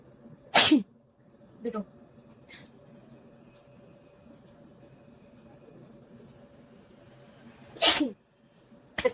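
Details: Two forceful, explosive sneezes several seconds apart, with a third starting at the end, deliberately induced by an adult woman who has a slight cold; faint steady room hum between them.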